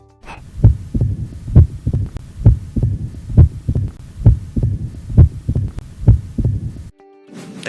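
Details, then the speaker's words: Mitral opening snap in mitral stenosis, best heard at the cardiac apex: regular heart sounds near 66 a minute with a snapping (clapping) first sound, accentuated second sound and a short extra click after it, a quail-like rhythm. "из левого предсердия с большой силой ударяется в сросшиеся створки и клапана Что приводит к появлению короткого щелчка при открытии клапана этот звук лучше выслушивается на верхушке сердца"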